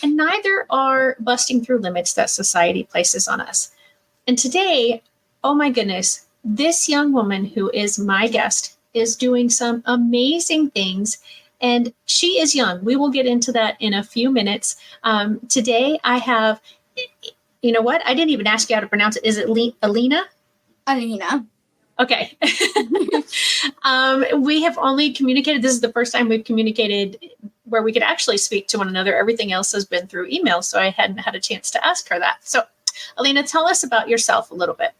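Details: Adult woman; typical speech.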